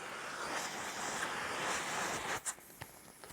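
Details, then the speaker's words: Fisher & Paykel Solo nasal pillow CPAP mask at a CPAP pressure of 13, with the wearer holding their breath: a steady, airy hiss of pressurized air from the mask, ending with faint clicks. "And I'm doing my best not to breathe right now. I just want you to hear the hissing sound."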